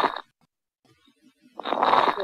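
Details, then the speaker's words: Teaching recording of abnormal lung sounds: noisy breathing with rough, bubbling inspiratory crackles as air enters past secretions obstructing the airways, finer rales; crackles (rales). "Fíjense, ingresa aire y hay secreciones que están obstruyendo las vías aéreas. Distintos tipos de estertores, más finos."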